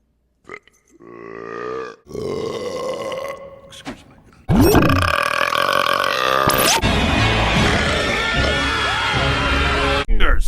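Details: Several long, loud, voiced belches in a row from a burp compilation, the later ones rough and drawn out, with music in the background.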